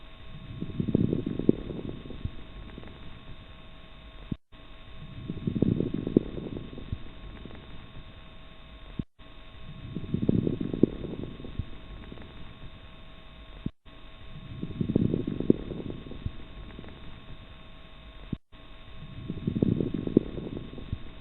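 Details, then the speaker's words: Repeated breaths at about 13 a minute, each with low-pitched bubbling crackles, lower pitched, less intense and longer than fine crackles; coarse crackles. "as noted on the previous display coar crackles are in general lower pitched less intense and of longer duration than fine crackles the most common conditions associated with coarse crackles are congestive heart failure and"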